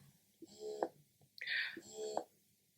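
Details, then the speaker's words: First-time mother using a newly unboxed wearable electric breast pump: two rhythmic suction cycles, each a rising whir ending in a click, hiss between; louder than expected in a quiet room; wearable breast pump running. "so before i bought it i did read the reviews and people said it was quiet enough for them to go around the house i mean that doesn't sound that quiet to me like my aim was to use it when i'm in lectures i don't think i'll be able to use it when i'm in a lecture because that's definitely too loud"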